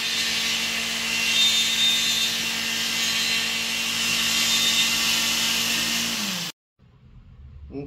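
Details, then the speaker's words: Minimally invasive removal of an infected horse tooth: a loud, harsh grinding whine as a water-cooled power burr sections the tooth, then the motor winds down and stops. "And then we use a water cooling system that keeps the burr clean. And we use burrs from Equine Specialties as sectioning. So what we're gonna do is we're gonna go in and section this tooth."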